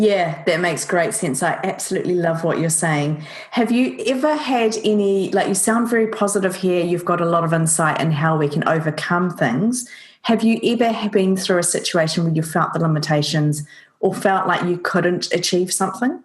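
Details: Adult woman speaking; normal speech.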